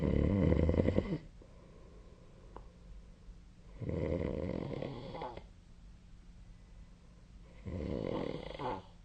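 Three loud, low, rattling snores with quiet pauses between, about 16 breaths a minute, over faint room hum: snoring.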